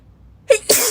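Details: Girl sneezing; a short intake followed by a sharp, explosive burst of air, a single sneeze.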